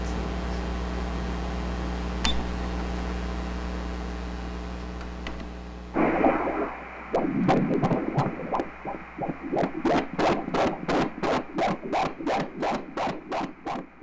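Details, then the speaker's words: Fetal heartbeat on Doppler during a pregnancy ultrasound, with a cord loop around the baby: after steady hum, rapid regular whooshing pulses at 148 beats a minute, normal, cord not compromising the baby. "148 latidos quiere decir que no está afectando, ese circular no está estrangulando, no está asfixiando"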